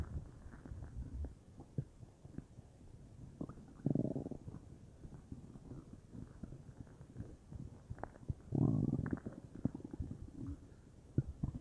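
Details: Bowel sounds (borborygmi) from a person's belly, unsure whether stomach or intestines, whole belly felt bubbly: irregular low gurgles and bubbling rumbles with two louder gurgling bursts.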